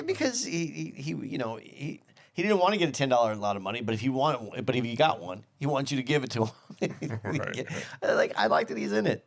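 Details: Adult male speaker in casual conversation; normal conversational speech.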